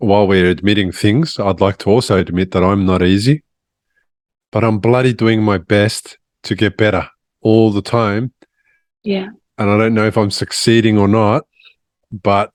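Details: Adult man speaking; ordinary speech.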